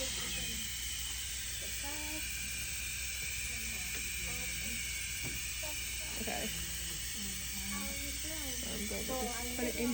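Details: Wall suction being tested through a catheter before tracheostomy suctioning during a tracheostomy care demonstration: a steady airy hiss, with quiet talk over it.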